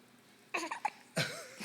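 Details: Hiccups: two brief, abrupt catching sounds in a quiet room, then a small vocal squeak.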